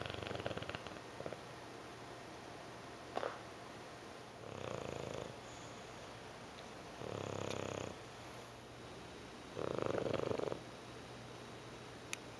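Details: Snoring from a sleeper said to do this 18 hours a day: soft, regular rumbling snores on each breath, about four in twelve seconds, over quiet room noise.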